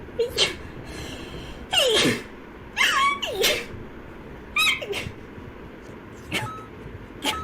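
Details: Several sharp sneezes in quick succession over about seven seconds, some preceded by a rising gasp; a rapid sneezing bout in a girl.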